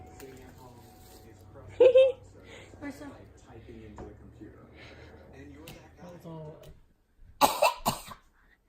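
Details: Infant deliberately fake-coughing: short imitated cough bursts amid baby babble and an adult voice. Not illness.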